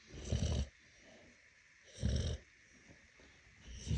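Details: Snoring in a sleeping pregnant Cane Corso dog: two deep, low, rattling snores about every two seconds, with softer breathing between them.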